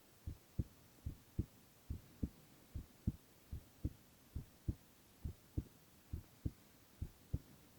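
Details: Male ASMR recording of heart sounds only, no talking: steady low thumping heartbeat at about 70 beats a minute, two sounds per beat, faint hum behind; normal heart sounds.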